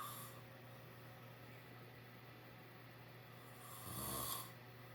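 Low steady hum with one rising snore near the end in a quiet room; snoring during sleep.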